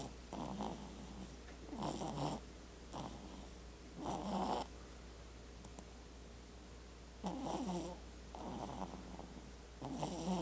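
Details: Rhythmic, rattling snoring on both in-breath and out-breath, about six or seven snore bursts over a steady low room hum.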